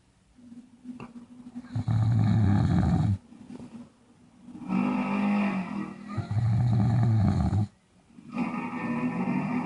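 Loud, rough, rattling snores on both in-breaths and out-breaths, about 14 breaths a minute, with brief quiet pauses between them.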